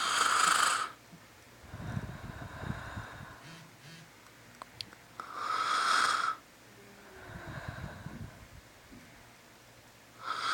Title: Nap Snoring